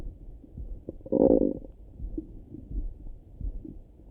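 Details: Low gurgling rumble with a louder bubbling burst and scattered soft gurgles, morning stomach rumbling; normal bowel sounds.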